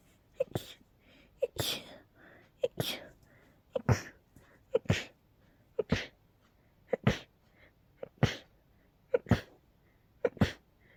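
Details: Sneezing fit in a person with a cold and allergies, with intense episodes every couple of hours that day: ten forceful sneezes in quick succession, each preceded by a sharp intake of breath.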